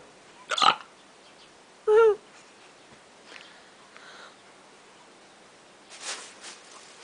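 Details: Two brief hiccups from a man, one sharp and one slightly voiced, then faint room noise; unusual hiccups he calls "hicburps".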